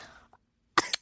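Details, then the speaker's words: Adult who has been ill with a lingering cough for about a month that went away and came back: a single sharp cough with a brief second push after a short quiet pause. "but I heard every time you coughed I am ill I still have this freaking cough"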